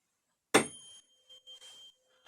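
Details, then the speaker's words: Weber test during a neurologic examination: a tuning fork is struck and placed on the forehead, ringing with a clear, steady tone that fades; the patient hears it in both ears and hearing is normal. "this on your forehead. You tell me if you hear the ringing sound on both ears."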